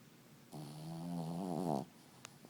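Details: Sleeping puppy snuggled up gives one drawn-out, whistling snore in a quiet room, an ordinary sleep snore.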